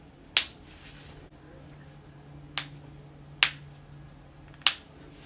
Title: cracking joints